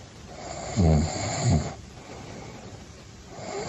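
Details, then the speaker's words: Low, rumbling snore bursts in a steady, regular pattern, presented as the first example: regular snoring, not normal sleep but not itself a disease, without apnea. "刚才这个呼噜声是不是相对正常？呼噜声都不是正常的，正常的人晚上睡眠的时候应该没有鼾声才对。"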